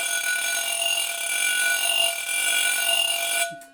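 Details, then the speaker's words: A loud, piercing, high-pitched whine that runs steadily and then cuts off: a high-speed dental drill, played as a warning example of the sound behind dental anxiety. "i don't think that's a very pleasant sound is it you want to have ptsd flashbacks to the sound of a dental drill i can do that for you"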